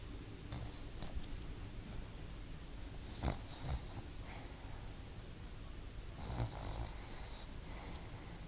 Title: Cute snoring dog